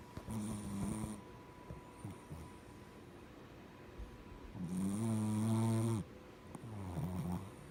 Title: Oreo was snoring so funny 😂